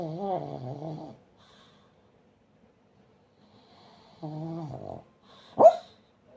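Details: Sleeping pug: two drawn-out, whining nasal snores, then a short bark-like snort; snoring.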